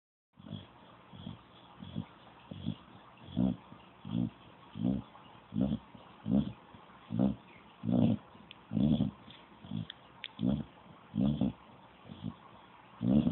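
Regular low rumbling snorts with each breath, about 77 a minute, rough and steady: a dog snoring in sleep.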